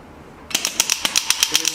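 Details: Radial shockwave therapy machine handpiece firing on a gel-covered pain point: silence, then a train of sharp, regular clicking pulses about seven per second.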